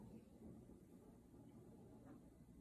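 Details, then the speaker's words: Student nurse listening with the stethoscope bell over a male patient's abdominal aorta, between the xiphoid and umbilicus, where a pulse is visible. Low steady rumble with no whooshing: no aortic bruit. "I don't hear any and then right above his umbilicus about two centimeters to either side will be his renal arteries"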